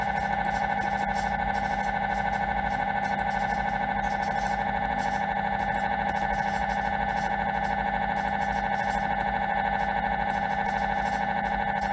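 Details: MRI scanner noise during a scan: loud, rapid, steady mechanical buzzing and pulsing tone, about 150 pulses a minute.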